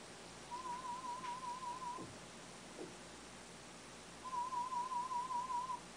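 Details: Pulsed, warbling test tones in two short runs over steady background hiss, from the third hearing test of a cochlear implant user at a hospital ear unit; the user's hearing level had reached the speech banana.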